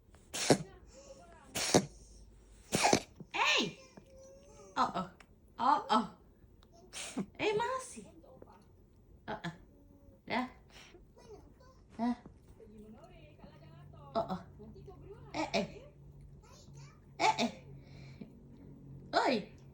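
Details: Cat, unclear whether coughing or sneezing: repeated short, sharp explosive bursts, over a dozen in close succession, in a quiet small room; sneezing.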